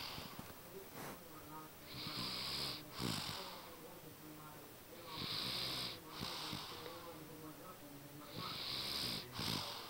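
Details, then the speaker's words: Woman passed out asleep, snoring with rhythmic rasping snores at about 18 a minute, over faint room noise. "If you listen closely, you can hear her snoring."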